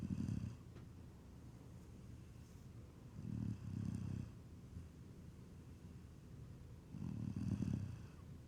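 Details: Low, rumbling, irregular snores at about 17 a minute with a snorting, congested quality, occurring after dirt got into the nose while digging; snoring.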